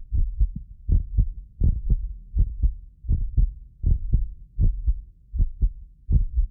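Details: Heartbeat of a medically fit person recorded with several precision contact microphones: regular paired low thumps about 80 a minute; occasional doubled clicks are a ~6 ms microphone-delay artifact. Normal heart sounds.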